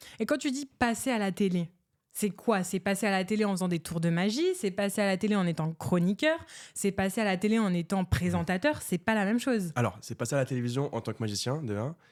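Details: Adult speaker, French; ordinary fluent speech.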